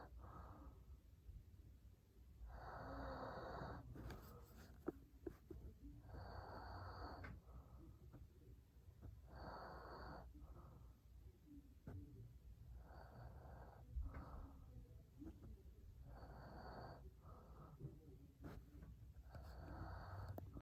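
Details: Adult man snoring while asleep at night: repeated rough, noisy breaths roughly every three seconds, about 20 a minute, with some room noise.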